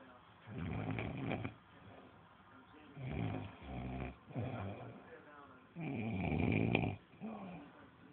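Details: Repeated rumbling, fluttering snores, about four in eight seconds, with quiet pauses, from family members napping after a heavy lunch; snoring during sleep.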